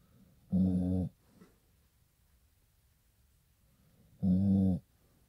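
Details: Pitbull dog asleep, snoring like a human: two loud, buzzy, low-pitched snores about four seconds apart, with quiet between them; heavy snoring.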